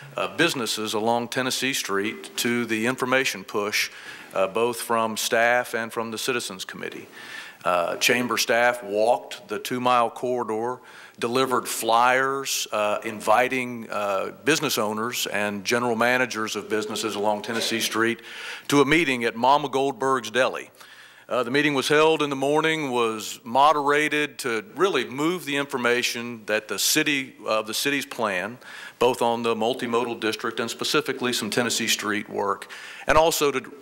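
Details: Vocal tremor in an adult woman, real, self-reported.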